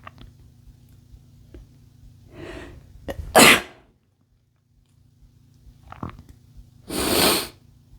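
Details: Two sharp, explosive sneezes a few seconds apart, each preceded by a quick inhale, in a male; sneezing.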